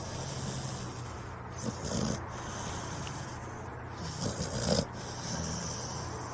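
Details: A sleeping dog snoring: rough, rattling snores, about two over a few seconds, over steady low room noise.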